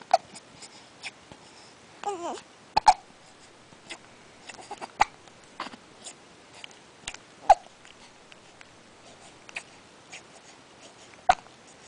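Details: Infant hiccups: several short, sharp hiccup sounds at irregular intervals, with soft babbling, cooing and faint fussing between them.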